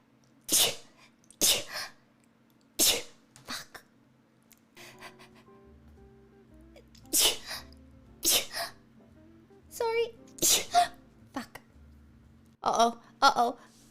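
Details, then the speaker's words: Run of about eight sharp sneezes in quick succession with faint background music, sneezing since having something put up the nose; sneeze. "i've been sneezing a little bit since i had to stick the thing up my nose"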